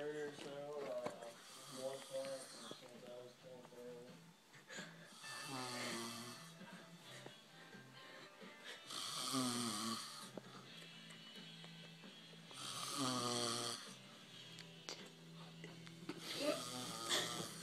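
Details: Father snoring: loud rattling snores at about 16 a minute, irregular in strength, with music and talk in the background; snoring.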